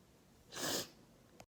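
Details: Induced sneeze with a tickly nose: a single sharp, hissing burst of air.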